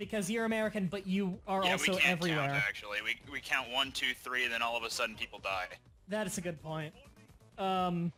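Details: Adult male speakers in casual conversation; no speech disorder.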